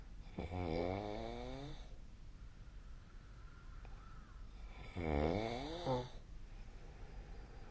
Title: 🐽 本日のイビキ / Snoring Sleep Sound 2025/01/25